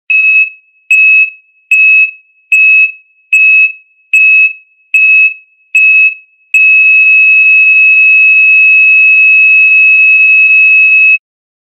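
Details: Seven regular cardiac monitor beeps at about 74 a minute, then an unbroken steady tone: flatline alarm of asystole, a sound effect.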